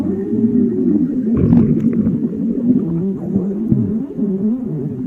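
Continuous low gurgling, groaning rumbles with a few bubbly pops, typical of stomach growling.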